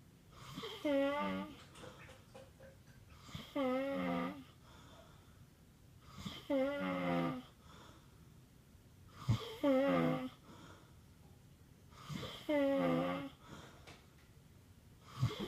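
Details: Whistling, fluttering snores on each breath, about 21 a minute, with a high musical, wheezy tone.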